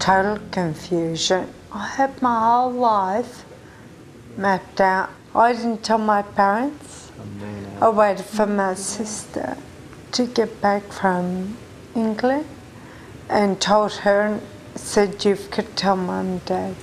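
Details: 43-year-old woman with Friedreich ataxia, a genetic progressive disease, diagnosed at age 20; she says strangers took her for drunk: ataxic dysarthria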